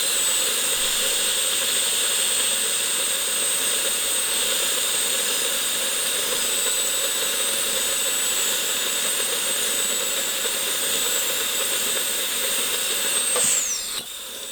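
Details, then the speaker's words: Steady high-pitched whine of a dental handpiece with bur cutting an access hole toward the pulp chamber of an extracted three-canal tooth, winding down at the end; simulated root canal demonstration on a tooth assumed deeply decayed. "이건 이제 실제 입안에서는 충치를 제거하는 과정이 되겠죠. 여기서 이제 치수강을 찾기 위해서 구멍을 내기 시작합니다."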